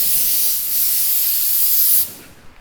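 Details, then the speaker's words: Steady, loud hiss of compressed air for about two seconds, then stopping: the push-button air blower on a student dental simulator unit in a skills lab, powered by a compressor and used to blow dust off the table. "jadi ini fungsinya untuk membersihkan Mega jadi untuk membersihkan debu-debu yang diatas meja"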